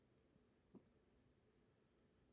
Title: stomach noise - rumble in the night